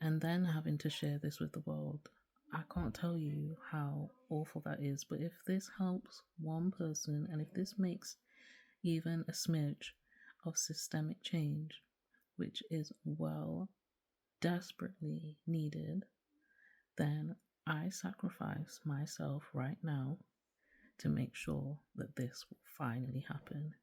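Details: Woman in her late 20s with myasthenia gravis, an autoimmune condition causing severe muscle weakness; she reports declining voice volume, running out of breath and occasional slurring; recorded late in a long talk as fatigue builds; weak, quiet voice (myasthenia gravis).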